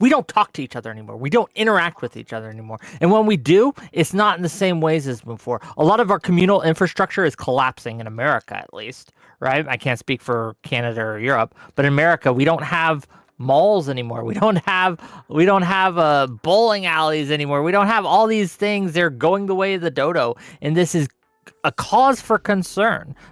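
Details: Adult male speaker; no voice disorder.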